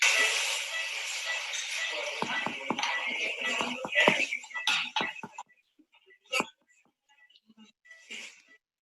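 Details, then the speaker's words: In a teaching example on intestinal obstruction, a clinician taps the abdomen intercostally over the lower right ribs, where the liver should sound dull. The sharp taps give a hollow, resonant note over background hiss: tympany with loss of liver dullness, described as a sign of pneumoperitoneum. "Fíjense el timpanismo y fíjense dónde uno palpa. La mano derecha está mostrando dónde está el reborde subcostal y uno palpa a nivel intercostal, donde debiese estar el hígado y sentirse mate. Escuchen el timpanismo."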